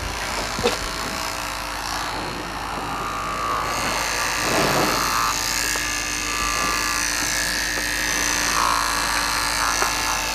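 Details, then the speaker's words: Electric clipper with a size 30 surgical blade close-clipping cattle hair before freeze branding, leaving the remaining hair as short as possible: steady buzzing with outdoor background noise. "before branding commences the animal must be close clipped use a quality electric clipper with a size 30 surgical calculator off to ensure the remaining hair is as short as possible"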